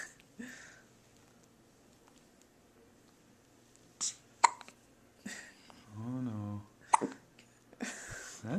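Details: Seven-day-old baby girl with hiccups: sharp, brief hiccup sounds at irregular intervals in a quiet room, with a short baby vocal sound between them.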